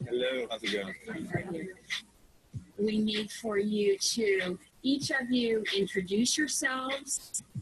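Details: Adult speaker; normal speech.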